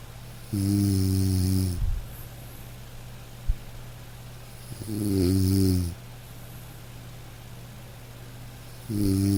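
Slow, gentle droning snores about four seconds apart, roughly 15 a minute, over soft rain; ordinary snoring in a sleeping dog.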